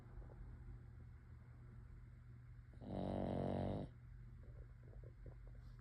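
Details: Snoring: a single loud, rattling snore of about one second over quiet room hum.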